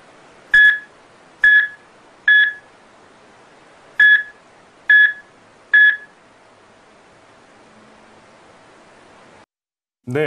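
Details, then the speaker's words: Illustrative ECG monitor sound of the heart fibrillating finely, then stopping (cardiac arrest): six monitor beeps at uneven, slowing intervals, then silence. "이렇게 이제 심장이 가늘게 뛰는이 세동 하다가 더 이상 심장이 뛰지 않는 그리고 이제 멈추는 과정을 그래프와 소리로 나타낸 그런 영상이 있는데요"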